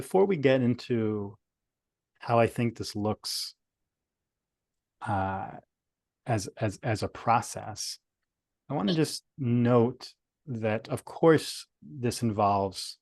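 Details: Adult male speaker; stuttering.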